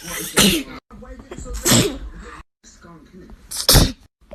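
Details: Three forceful sneezes from different people, with brief talk and background noise between, in a short-video sneezing compilation; sneezing.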